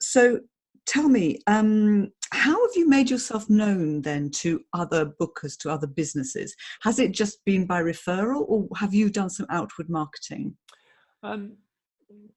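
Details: Adult speaker; typical speech.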